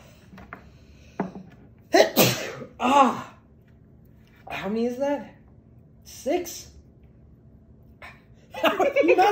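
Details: Sneezing challenge, sniffing substances such as paprika to trigger sneezes: several sneezes with gasping in-breaths, mixed with laughter, in a small room.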